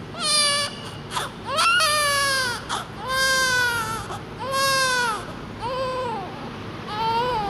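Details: Newborn reportedly with a serious lung problem: repeated loud, high-pitched crying bursts with gasping breaths between them, about 44 a minute, over faint room noise; distressed newborn cry.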